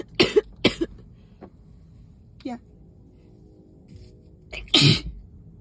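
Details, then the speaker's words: Three sharp, explosive bursts in quick succession from an adult sick and exposed to heavy dust, who also wheezes on exhale, while sitting, in a continuing run of sneezes: sneezing fit. "um oh I feel more that definitely feels like I'm gonna sneeze again"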